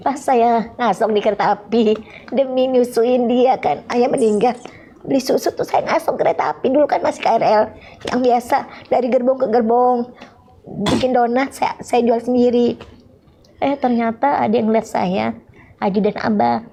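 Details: Adult woman speaking; normal speech.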